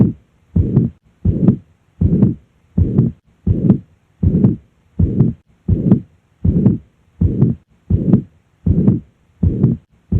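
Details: Mitral regurgitation murmur heard at the apex on cardiac auscultation.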